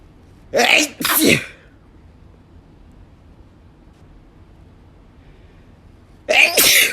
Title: Desperate Sneezing Fit